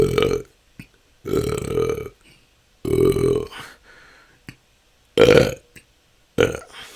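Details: Person describing a years-long struggle with belching that can go on for hours, recorded as continuous natural burping: rapid run of loud, deep belches separated by short pauses; excessive belching (eructation).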